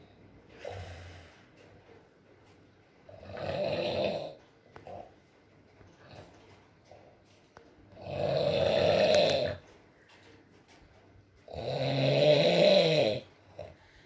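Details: Adult man (boyfriend) asleep, ASMR recording: three loud, rattling snores at irregular intervals, about 17 a minute, with soft rain and faint murmurs (mumbles) in background; ordinary snoring.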